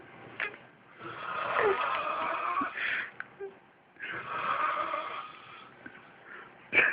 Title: Roncando como anciano de 70.años